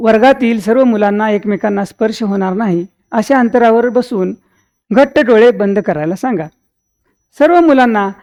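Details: Adult woman speaking Marathi; normal speech.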